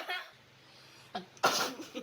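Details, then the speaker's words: A short in-breath, then a sudden loud explosive sneeze set off by a Covid-19 nasal swab test. "然后第二遍想打喷嚏是正常的吗？正常的。"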